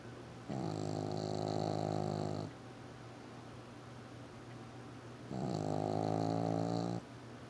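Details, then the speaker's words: Dog snoring while asleep: two long, buzzing, rattling inhalations about five seconds apart with quiet pauses between them. "Wallace. Wallace. Why are you snoring? Don't stick your tongue out at me."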